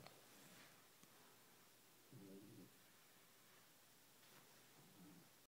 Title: snoring